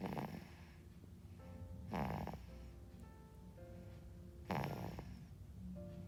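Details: Infant snoring: three rough, rattling snores at a regular pace over a few seconds of infant breathing, with background music.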